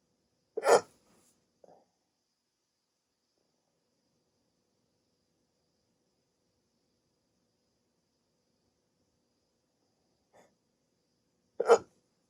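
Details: Adult with sleep apnea, just woken from sleep on CPAP treatment, during a rare 16-minute hiccup attack: two sharp, brief hiccups about eleven seconds apart in a quiet room.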